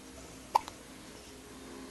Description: She was about 2 weeks old at this point and getting the hiccups pretty much every time you fed her.